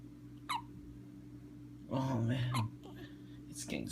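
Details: Infant hiccups: brief sharp voiced catches among soft room noise and hum.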